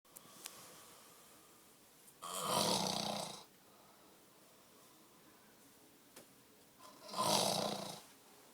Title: The worst snoring on earth + Touching